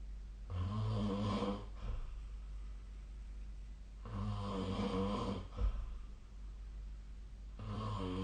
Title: 🐽 本日のイビキ / Snoring Sleep Sound 2025/02/03